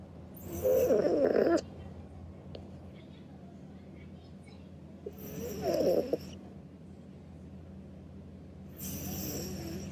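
Three soft, rattling snores about four seconds apart over quiet room noise, roughly 15 breaths a minute: snoring during sleep.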